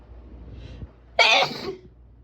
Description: My powerful sneezes shatter the peaceful ambiance.